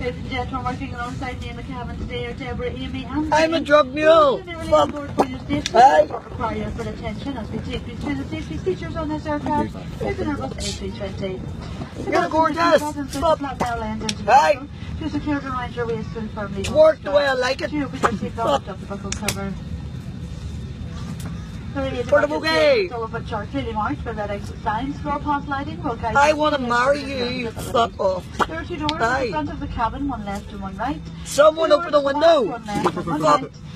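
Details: Adult flight attendant over aircraft cabin noise; cabin crew safety announcement.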